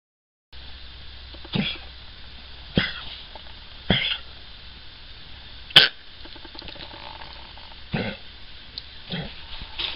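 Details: Cavalier King Charles Spaniel with mitral valve disease coughs about six short, harsh, dry times after collapsing on the stairs, unable to stand, with blue gums; a cardiac cough, later treated with Vetmedin.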